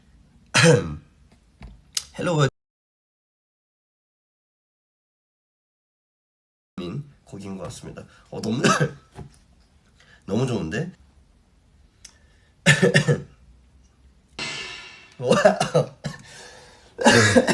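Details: A Stray Kids member (adult male K-pop singer) coughing: short coughs and throat clearing spliced together with brief silent gaps.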